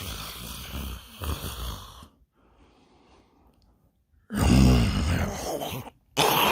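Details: Loud, rough, low rattling breaths during sleep with quiet pauses between them, at a sleepover in a comedy skit; heavy snoring.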